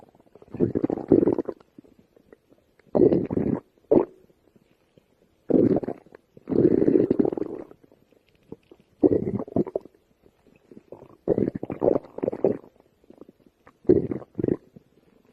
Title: stomach growl in Starving All Day A But tummy